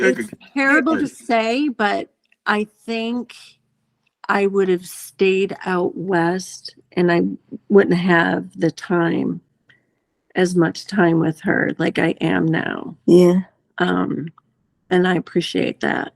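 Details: Adult woman; typical speech.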